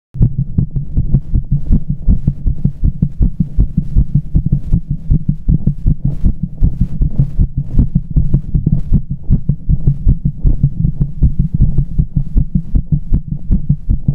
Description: Fast beats with pressure